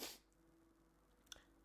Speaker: I need to sneeze again. I'm congested. But the box of tissues is like in the other room.